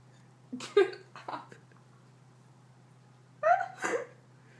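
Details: Female with persistent hiccups: short, abrupt voiced bursts in two pairs; hiccups.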